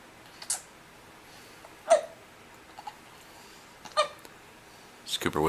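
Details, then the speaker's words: Dog that gets hiccups almost daily: four brief, sharp hiccup sounds spaced irregularly over a few seconds in a quiet room; hiccups. "his hiccups he gets hiccups almost every day he has ever since Jamie was about three or four months pregnant"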